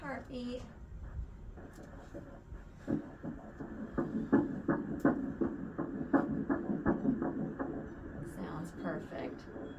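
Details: Rapid, regular whooshing pulses of a fetal heartbeat about 165 a minute on first-trimester ultrasound in a second pregnancy; normal fetal heartbeat.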